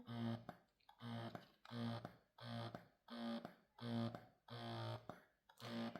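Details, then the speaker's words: Momcozy Air 1 wearable breast pump in manual mix mode: rhythmic motor whirrs about 85 a minute, shorter suction pulses followed by a longer drawn-out one. "you'll have your shorter suctions followed by a longer one for the mix mode."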